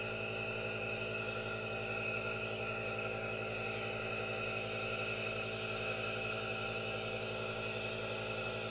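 Steady, continuous hissing hum with no breaks or variation: an aerosol nebulizer running.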